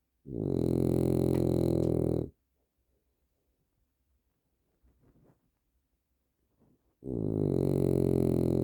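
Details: Two long, loud, rattling snores about five seconds apart, quiet in between, from a sleeping dog that snores a lot; dog snoring.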